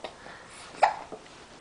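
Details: A single short, sharp catching sound against quiet room noise from a squirming girl in the kitchen; hiccup.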